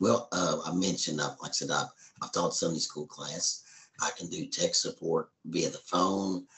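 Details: Tracheoesophageal speech in an adult man after total laryngectomy in April 2013, speaking hands-free with an indwelling voice prosthesis.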